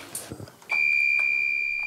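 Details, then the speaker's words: LVAD low-flow alarm from the heart pump of a 42-year-old man who has been on the device for over a year after a myocardial infarction while awaiting heart transplant: a steady, high-pitched continuous tone that sounds when pump flow is too low. "sonnerie aussi fait désormais partie de son quotidien c'est quoi c'est la pompe qui sonne quand il y a le débit qui est trop faible"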